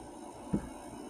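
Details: A cat being held by its owner gives a single short, soft cough against quiet room noise.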